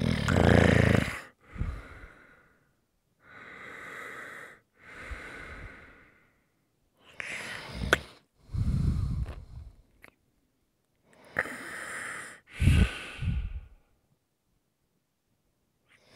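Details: ASMR snoring recording: slow rough breaths, each a noisy inward rattle and outward puff, with quiet gaps between; snoring.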